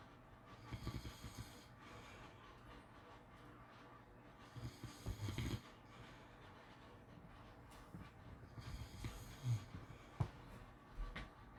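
Soft, low rumbling snores roughly every four seconds over a steady background hiss; ordinary snoring during sleep.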